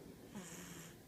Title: snoring